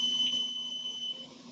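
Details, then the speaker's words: Respironics oxygen concentrator switched on: a steady high-pitched tone lasting about a second. This is the power-on alarm, showing the unit is getting power. "you're gonna hear that beep for a quick you know a couple seconds and that means that you are getting power to the unit"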